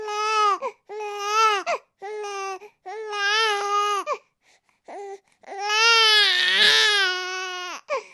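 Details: Repeated loud, high-pitched wailing cries of a baby with brief pauses for breath, building to a long strained cry near the end; ordinary infant crying.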